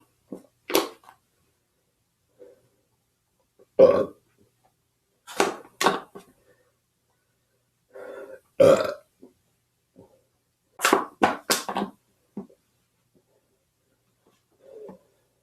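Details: A series of short, abrupt burps with pauses between them in a quiet room; repeated belching.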